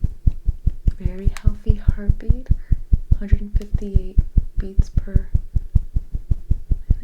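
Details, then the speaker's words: Fast, regular whooshing Doppler thumps near 155 a minute: a healthy fetal heartbeat at about 11 weeks, late first trimester, in a simulated ultrasound appointment roleplay. "minute very healthy the baby's heartbeat is expected to go very fast"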